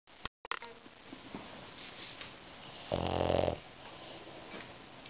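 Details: French Bulldog snoring while lying between dad's legs, eyes open and relaxed: one loud buzzing vibrating snore amid softer noisy breathing and handling sounds.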